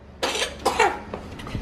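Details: 14-month-old boy with common cold and upset stomach diagnosed at clinic: two or three short, harsh coughs in a quiet room; cough.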